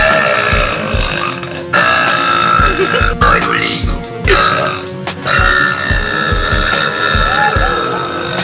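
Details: A girl's several loud, drawn-out belches over background music and applause, with Korean food and a contest mentioned; burping.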